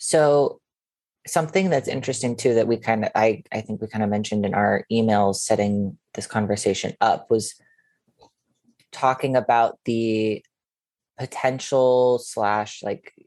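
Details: Adult male speaker; typical speech.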